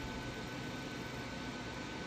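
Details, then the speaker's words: Continuous hissing hum with a faint steady tone from a therapeutic ultrasound handpiece run over the body at full intensity (90%) with water on its head, which vaporizes, on a combined pneumatic shockwave and ultrasound therapy machine. "जो यहां मैं इसे body पर चला रहा हूं। आप देख सकते हैं कि अल्ट्रासोनिक वेव के पास होते ही वाटर कितनी जल्दी वेपराइज हो रहा है। अभी इंटेंसिटी फुल है।"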